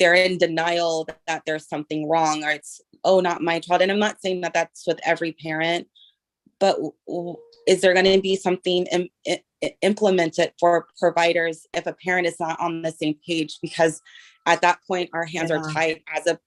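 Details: Adult female, self-described person who stutters, asking a question in a meeting; stuttering.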